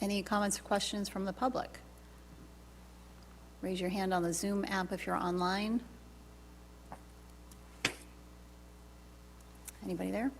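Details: Adult speaker; normal voice.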